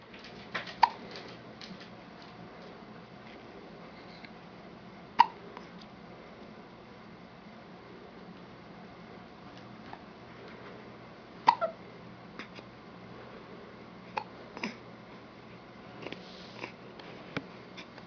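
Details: Infant boy hiccuping while sitting on his father's lap: soft, abrupt hiccups about 14 a minute at uneven intervals against quiet room noise.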